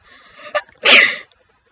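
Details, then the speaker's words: Single sneeze in a comedic skit about a pretend rare sneezing condition: a quick indrawn breath, then one sharp, hissing burst. "Buddy, so I went to the doctor yesterday and they told me that I have this really weird rare thing when I sneeze my head changes, but I don't really."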